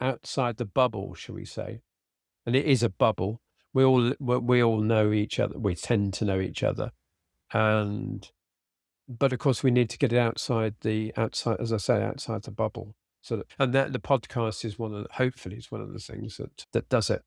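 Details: Adult man with aphasia after a sudden stroke, treated with speech therapy and his wife's flashcard practice; he still has word-finding difficulty, cannot read a script and tires as the day goes on. Finding: aphasia.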